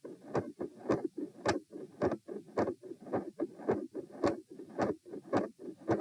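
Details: Heart auscultation during a stress test at position M, with sitting, standing and lying phases at 90, 108 and 72 bpm; split S2 with a midsystolic murmur and electrical disturbance.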